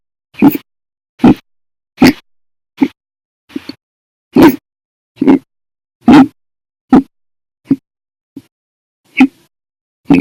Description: The Violent, Bad Loud, Silent, Minute Hiccups lasted 13 Hours and 20 Minutes for after eating Breakfast, Lunch, and drinking 1 cup of soda after Dinner on 8/9/19.